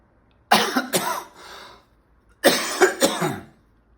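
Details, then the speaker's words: Adult acting out a cough while describing catching a cold, for language teaching (simulated): two short bursts of two or three quick coughs each. "je tousse je tousse j'ai la toux j'ai la toux"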